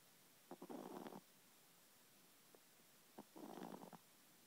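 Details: Chihuahua snoring, then waking: two soft, rattling breath noises about three seconds apart, roughly 20 breaths a minute, quiet snoring of a small dog.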